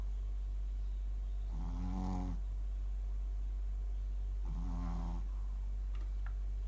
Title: Mylly snores shih tzu シーズー